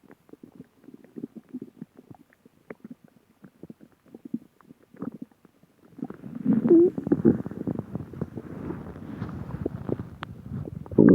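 Soft gurgling pops, then a longer rumbling, bubbling growl with faint squeaks; ordinary stomach growling from gas and fluid moving through the gut.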